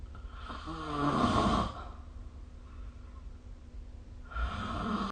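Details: Snoring recorded with the SnoreLab app during sleep: two rough, fluttering breaths with a pause between; snoring from vibrating airway tissue.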